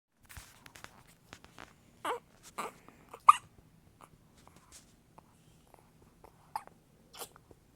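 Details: An infant's first hiccups: short, sudden catches of breath, about five clear ones in eight seconds, with soft breathing between.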